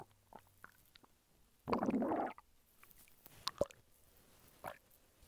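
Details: Hunger stomach rumbling (borborygmi) from a man lying flat on his bed: one low, bubbling gurgle among a few faint pops and clicks.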